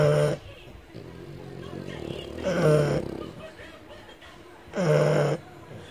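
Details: Loud, snorting, rattling snores, about three in six seconds, with noisy breathing between, from a French Bulldog that snores very loudly.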